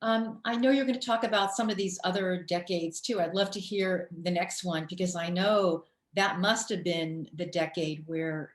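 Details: Adult speaker, interviewer; typical fluent speech.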